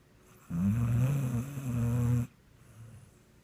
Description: My pit bull Sweet Pea snoring, dreaming, and twitching the evening away...